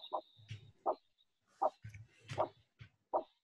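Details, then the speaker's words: Handheld Doppler over a small finger artery: rhythmic whooshing pulse bursts at about 80 a minute that may sound monophasic but are not, expected for a small artery. "in your finger but in a small artery that will sound maybe monophasic it's not but it's a small artery so we need to not worry too much"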